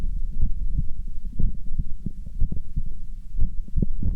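Steady low thumping heartbeat at about 60 beats a minute over a muffled hum.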